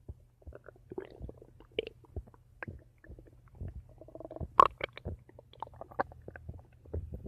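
Scattered gurgles, squeaks and bubbling pops from the belly over a low hum. Ordinary stomach rumbling.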